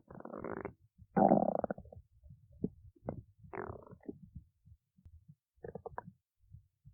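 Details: Bubbly, rumbling gurgles in uneven bursts over a few seconds; ordinary stomach growling (borborygmi).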